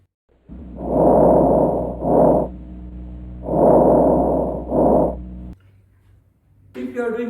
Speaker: so this first vesicular sound if you do escalation it appears like